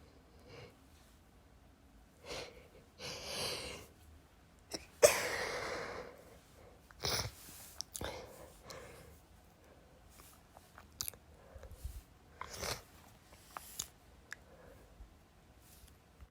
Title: random sneezing fit :)